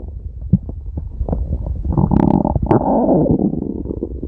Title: @DellaMason-x9b stomach growling (friend) for @kagaminerinfan2017 ❤️ #stomachgrowling